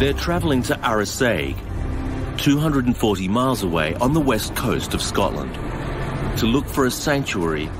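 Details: Adult male narrator; normal speech.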